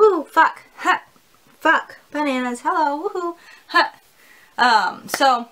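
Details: Vocal tics, including an expletive and 'bananas', in an adult woman with Tourette syndrome whose tics have recently increased, with tic attacks.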